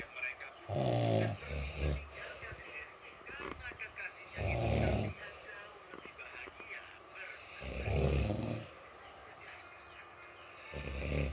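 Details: Loud, rattling snores on each in-breath, roughly four in eleven seconds, with quieter breathing between; ordinary heavy snoring.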